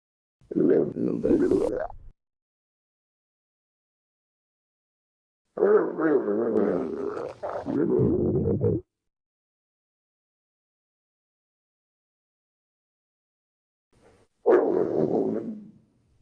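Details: Three bursts of gurgling, rumbling sound with wavering pitch, separated by silence: a woman's stomach growling.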